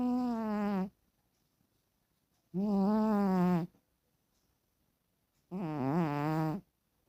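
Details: Three drawn-out, tonal, humming snores from a sleeping female cat, about 21 per minute, with quiet pauses between breaths; the sound is stated to be real, not fake; snoring.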